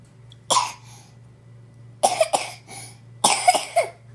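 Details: A 13-month-old toddler coughing: about seven short, sharp coughs in three clusters, with a low steady hum in the background.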